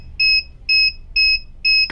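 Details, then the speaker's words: Four short, evenly spaced high-pitched keypad beeps, about two per second, from a dual-probe physiotherapy therapy laser (750 mW, 910 nm pointed and cluster probes) as the start key is pressed and the timer increased. "Now it's asking to press start key. I've just pressed the start key. I'm increasing the timer."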